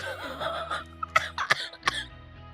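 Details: Cough from an adult sick nearly a month, diagnosed by a doctor with bad flu and asthma and still recovering: three or four short dry coughs over steady background music.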